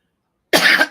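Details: Dry cough.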